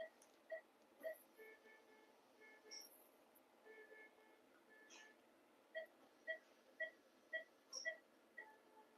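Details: Regular soft electronic beeps, about 115 a minute, with faint surgical-equipment tones; a phacoemulsification machine running during cataract surgery on a 6-year-old female Labrador with diabetes.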